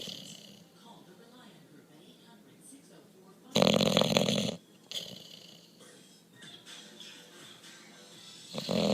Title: 45 amazing seconds of Bulldog Hendrix snoring.